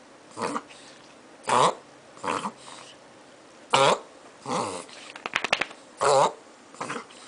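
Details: Beagle reverse sneezing: a run of about eight harsh, snorting inward breaths over seven seconds.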